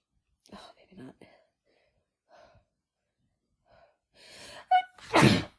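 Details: Woman with her first head cold of the year, after using chhinkni to trigger sneezing: quiet catching breaths building to strong, explosive sneezes in a quiet room; she can't stop sneezing.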